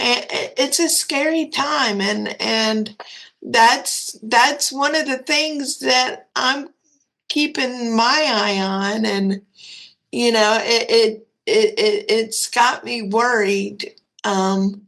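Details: 34-year-old woman with cerebral palsy who says it is hard for her to talk; dysarthria (cerebral palsy).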